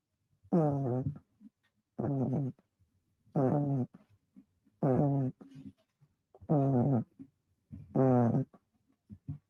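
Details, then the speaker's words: Snoring from a sleeping pet the owner calls his little bear: six loud, throaty, groaning snores, about 40 a minute, each followed by a short snuffle on exhaling. "George is snoring and God listen listen"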